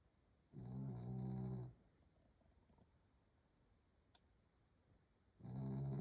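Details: Snoring at night: two low, rumbling, rattly snores about five seconds apart with quiet breathing between; snoring during sleep.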